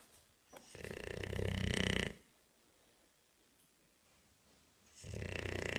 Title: Bulldog Snoring